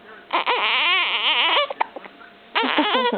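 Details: Infant with hiccups cries in strained, wavering bursts with a short pause between them: infant crying.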